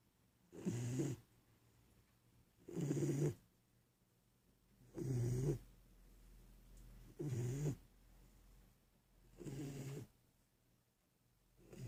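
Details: Sleeping Doberman dog with regular low rumbling snores about every two seconds, around 27 a minute; snoring.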